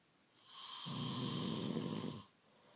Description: Waking partner up because he was snoring, and what he said in his sleep.